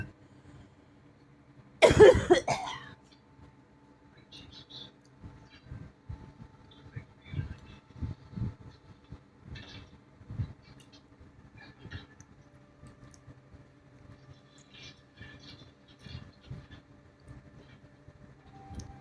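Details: Person who is unwell with a bad cough, chest and ribs hurting from coughing: one harsh, forceful cough, then quieter breathing and small throat sounds in a quiet room.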